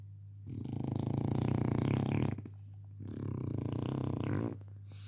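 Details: French bulldog puppy sleeping, snoring: two loud, rattling breaths, each a long fluttering snore with quiet pauses between. Snoring.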